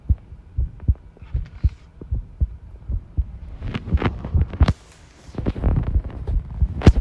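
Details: Self-recorded heart sounds with arrhythmia, taken while tidying a room: low heart thumps at an uneven pace, an irregular rhythm, with rattling handling noise in the latter half.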